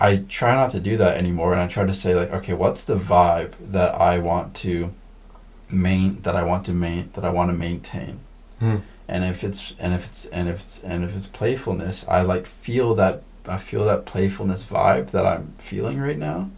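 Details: Man who says he stutters: stuttering.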